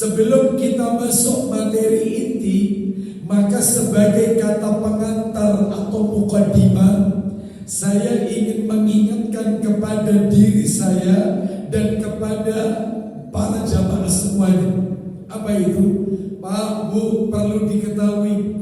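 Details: Dysphonia with a strained voice in a man with a self-reported vocal cord disorder of almost 2 months, improving but still forced.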